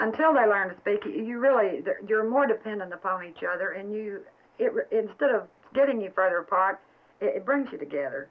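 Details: Adult woman speaking; ordinary speech.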